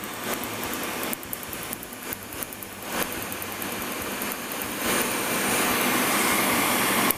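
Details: Second color tattoo removal session, laser treatment before reds, orange and maroon, with cold air cooling; rapid, fairly regular snapping pulses about three a second over loud steady hiss.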